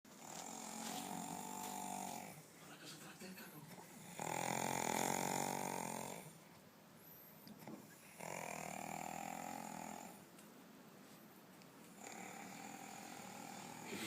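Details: Heavy snoring: loud, rattling snores on each breath in, roughly every four seconds, with softer breaths out between.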